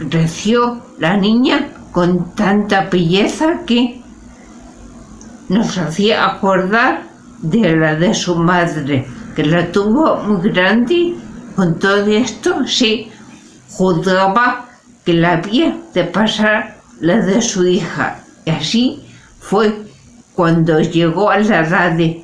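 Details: Spanish-speaking adult with aphasia, a member of an aphasia association, reading Don Quijote chapter XII aloud in a pre-recorded session; aphasia.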